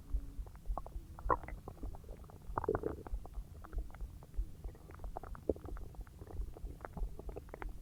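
Low gurgling and rumbling with scattered squelches from the belly, typical of active digestion after a large meal.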